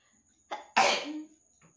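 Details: A quick intake of breath, then one forceful, explosive sneeze with a brief voiced tail, induced by tickling the nose with a towel in a sneezing challenge by someone who says they rarely catch colds.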